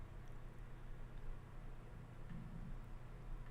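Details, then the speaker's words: Low, steady stomach rumbling with a brief gurgling swell, picked up close to the body during an ASMR stream: stomach growling (borborygmi). "Can you hear my stomach growling? Gar, someone asked for growls earlier. There's your growl. My tum going gar. My tum making noise."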